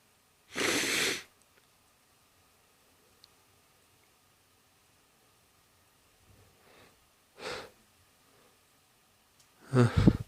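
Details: Several short, explosive breathy bursts separated by quiet pauses; a run of sneezes.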